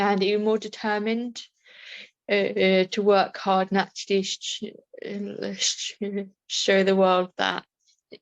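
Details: Adult woman with a stammer; stammering.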